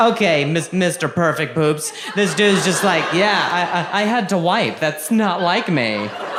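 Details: Adult male with stuttering beginning at age 20, after a softball hit his throat causing a minor vocal contusion and a fall causing a major concussion later diagnosed as traumatic brain injury; audible word repetitions.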